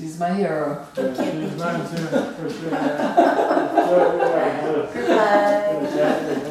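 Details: An adult male diagnosed with Huntington's disease 10 years ago; his wife does speech practice with him and reports that his speech declines without exercise; dysarthria (Huntington's disease).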